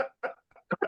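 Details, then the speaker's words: Adult man with a chronic cough he attributes to Agent Orange that never goes away: a quick run of four or five short, voiced coughs in a small room; chronic cough. "If you notice, I still have that cough, huh? Yeah. I still have my cough."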